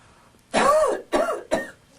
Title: Sneezing and Coughing proper way